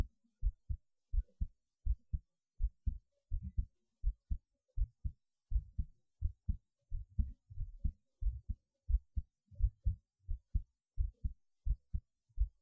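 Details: Low paired heartbeat thumps, roughly 85 per minute with slight irregularity, recorded just after standing on the head (recording while upside down was not possible); normal heartbeat.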